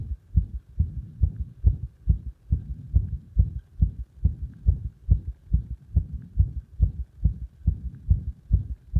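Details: Irregular heart sounds caused by compression: low paired heart thumps about 70/min with irregular rhythm; arrhythmia.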